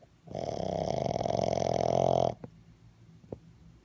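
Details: Boston Terrier puppy snoring: one long, rattling, slightly whistling breath lasting about two seconds, then quiet breathing.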